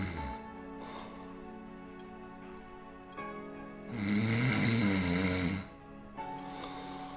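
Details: A long, loud, rumbling snore over background music; snoring.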